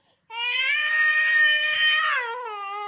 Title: baby crying